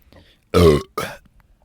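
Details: Adult man deliberately burping for ASMR while recording in a closet: a loud, deep voiced belch followed by a second shorter one from the throat; ordinary burping.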